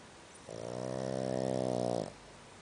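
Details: Boston terrier snoring loudly during sleep: a single loud, buzzy, vibrating snore about a second and a half on one drawn-in breath, quiet room noise.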